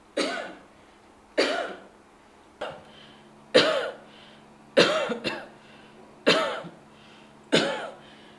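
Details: A woman gives a voluntary cough while a team supervises the recording, for an AI smartphone app trial in Kenya that detects tuberculosis from coughs; whether she has tuberculosis is not stated.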